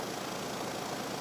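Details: Suction machine running during a dry-technique suctioning skills demonstration, with the catheter inserted before suction is applied: a steady, even hissing roar.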